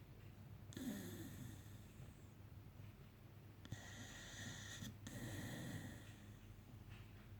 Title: Snoring Monty Staffy recovering from anesthetic